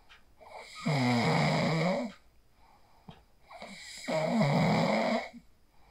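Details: Adult snoring, recorded on a phone while asleep after using the 4-7-8 breathing technique; two long, loud vibrating snores about three seconds apart, each preceded by a softer breath.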